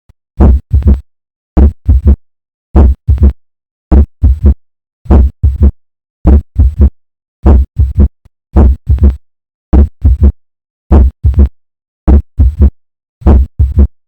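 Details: Slow regular heartbeat at about 51 a minute with a soft, fading murmur right after the second sound: early diastolic murmur.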